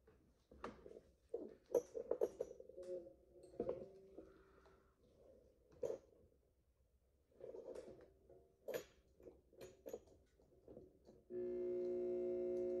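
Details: Simulated full bony extraction of tooth #17 on a typodont molar embedded in gypsum with a 266AMC surgical handpiece; scattered taps and scraping, then a steady motor whine as the handpiece starts up; surgical handpiece drilling.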